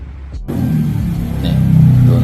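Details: Shinva LMQ.C-50E 50-litre top-loading steam autoclave set to 121 °C for 30 minutes: steady low rumbling hum growing louder as it fills the chamber with water and heats.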